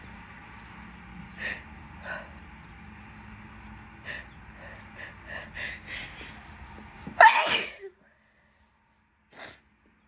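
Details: Adult wet sneeze, with the person mentioning bad pollen: quiet sniffs and catching breaths build to one loud, wet, explosive sneeze, followed by a brief soft sound.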